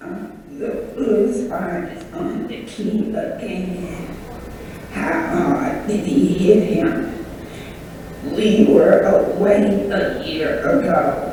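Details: Patient with spasmodic dysphonia, a focal dystonia of the larynx, repeating phonetically loaded sentences; a constricted sound as the larynx spasms closed. Adductor spasmodic dysphonia.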